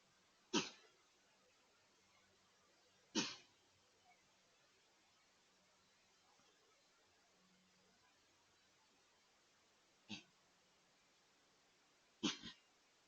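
Four sharp explosive snorts, spaced unevenly over about twelve seconds, fitting a deer's sneezing bout.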